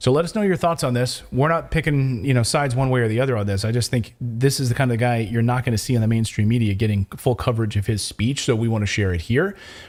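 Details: Adult male speaker; normal speech.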